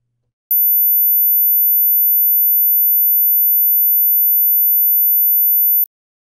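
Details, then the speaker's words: Steady very high-pitched 14 kHz sine-wave test tone at −12 dB from a tone generator, about five seconds, which the presenter says he can barely hear; high-frequency hearing test tone. "14 i know it starts to get a little bit high for me actually i don't think i can really hear much above 14k it's not very good is it"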